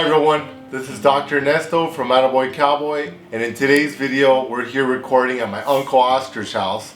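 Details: Adult male speaker; Normal speech.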